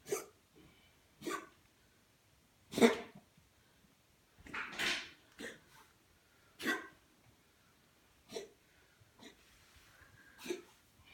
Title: My Cat's Coughing: For Vet.